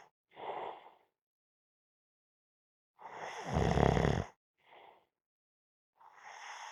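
Breathy sleep sounds with one loud, low, rattling inhaled snore between softer breaths; snoring while napping.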